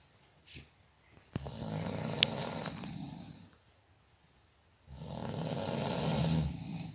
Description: suara lucu orang ngorok dijamin ngakak sampai 1000 tahun